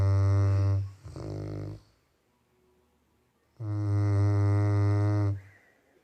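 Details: Labrador that snores a lot, snoring while asleep: loud, buzzing snores, each one to two seconds long with a short breath between; ordinary snoring.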